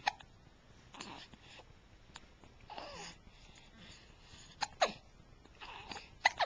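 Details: Infant with hiccups: short, abrupt catches at irregular intervals, mixed with soft babbling and breathing.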